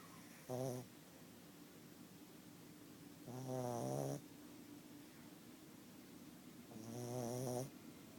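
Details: Three slow, uneven snoring breaths with a buzzing, humming tone, about 17 a minute, over low steady room noise; snoring.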